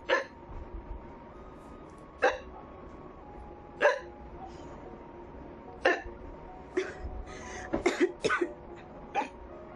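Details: Woman with sudden, very strong hiccups, recorded quickly before they stopped: short, abrupt voiced gulps about every two seconds, with a quicker cluster near the end, over faint background music.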